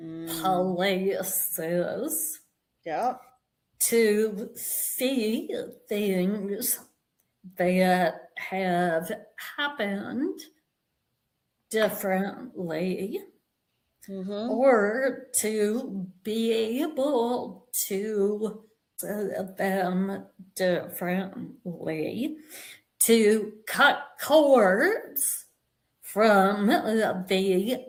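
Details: Vocal tremor in a woman; it is said to have developed after decades of narcissistic abuse and trauma beginning at age five, and she describes it as physically manifesting in her body and nervous system.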